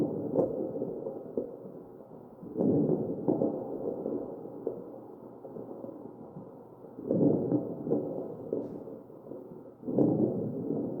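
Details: Crackles in a ventilated patient, chest auscultation.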